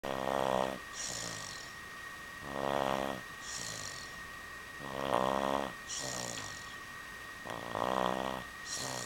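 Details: Cartoon sound effect of imitation snoring: four slow, rhythmic rasping snores, each followed by a whistling exhale, about 25 a minute.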